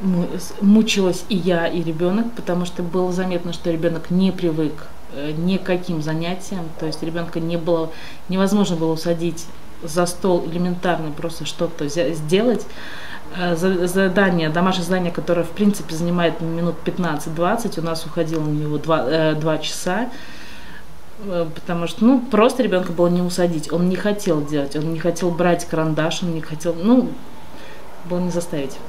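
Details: Adult woman speaking Russian; normal adult speech.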